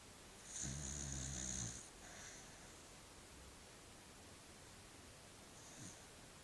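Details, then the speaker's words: A sleeping dog gives a single loud, buzzing snore, then breathes more quietly, with a faint later snore. "Austin, wake up, buddy. You were snoring."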